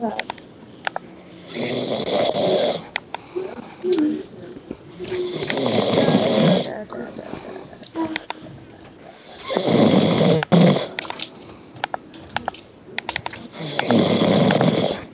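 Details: A person snoring: loud, rattling snores on each inhalation, about 15 per minute, with quieter exhalations between.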